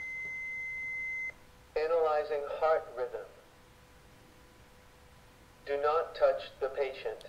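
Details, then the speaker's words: Hands-only CPR and AED demonstration: with pads on bare chest and CPR continuing, the cables are plugged in and the automated external defibrillator is switched on, giving a steady tone and then synthetic voice prompts. "and CPR is ongoing during this and we hook up the cables and we still continuing CPR through this and we plug the cables in and turn the defibrillator on"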